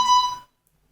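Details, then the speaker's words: Astral ventilator, licensed from 5 kg for invasive and non-invasive use, mostly with tracheostomy patients in a children's hospital: a single short electronic tone fading within half a second, a ventilator alarm that can be silenced. "if you want to explain all the different alarms you can silence them and carry on if you then want to see what appeared"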